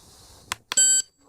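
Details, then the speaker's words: ThermoGlide thermal ablation device for cervical pre-cancer, training demonstration: two short clicks, then a single steady quarter-second electronic beep as the activator button is pressed with the probe placed over the lesion, starting to heat the probe. "once I feel like I have a safe and the placement is adequate over my lesion I will then press the activator button again to start heating the probe"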